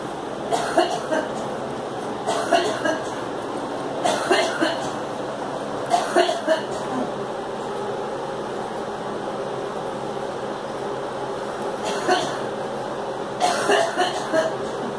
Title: Girl coughing